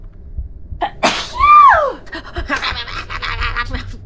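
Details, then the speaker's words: Single sneeze from a woman during a live stream: sharp inward gasp, then one forceful sneeze with a voiced cry and faint breathy noise. "Oh my god, I've been sneezing."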